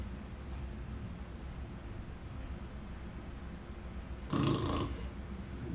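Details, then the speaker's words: Simulated single loud, rough snoring breath, demonstrating the irregular snoring respirations of a possible fentanyl overdose in an unconscious person, a sign to give Narcan. "respirations does that sound normal it does not it's irregular it's weird right"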